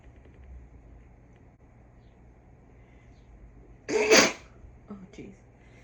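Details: Deliberately induced sneeze from someone who rarely sneezes naturally: after a quiet stretch, one loud explosive sneeze followed by a couple of faint sniffs or breaths; sneezing.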